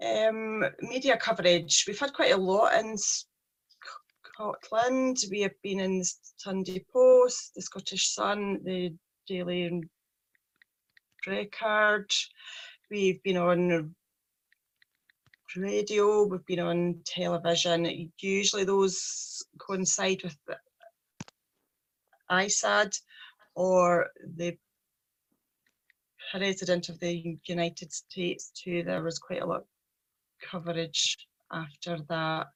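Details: 43-year-old woman who stammers, with a speech problem since age three; stuttering.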